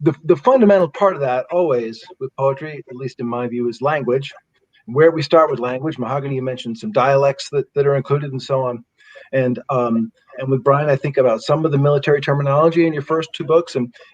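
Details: Adult male speaker; typical speech.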